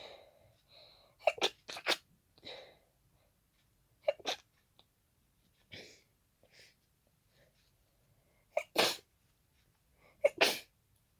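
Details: Repeated congested hay fever sneezing fit triggered by pollen: about six fast, sharp, messy sneezes into tissues, with congested sniffing between them.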